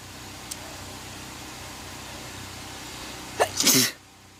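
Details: Person at work during a sneezing fit; quiet room noise, then a sharp intake and one forceful, explosive sneeze near the end; sneezing.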